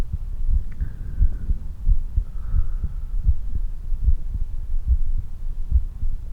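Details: Regular low heartbeats at about 90 per minute with a soft background hum, recorded after exercise; normal heart sounds after exercise.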